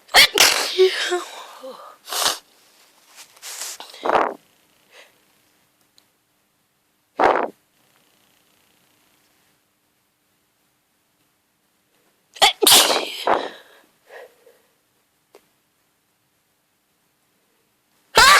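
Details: Hungover person with grass-pollen hay fever after falling asleep in the garden: a run of loud, forceful sneezes with pauses between them; hay fever sneezing fit.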